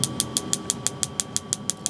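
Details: Focused shockwave therapy on an adult man's knee for chronic patellar tendinopathy, starting at the top of the knee at baseline intensity with pain rated about 1/10; sharp, evenly spaced clicking pulses, about six per second, over a steady hum.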